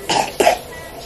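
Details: Two short, harsh coughs from an adult man just home from the hospital at 2 a.m. after testing positive for influenza A; flu cough.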